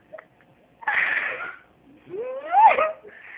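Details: Sneeze apparently induced by putting spaghetti into a nostril, with the nose hurting: a sharp, breathy sneeze burst followed by a rising whining vocal sound; a single sneeze.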